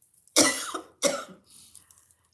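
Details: Adult coughing fit after eating and talking at the same time: two sharp, forceful coughs in quick succession with faint room noise between.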